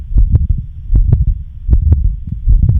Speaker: Patent ductus arteriosis. Patent ductus arteriosis.